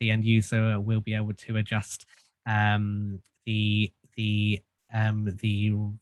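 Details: Stuttering in an adult man who has stuttered since childhood and had group speech therapy.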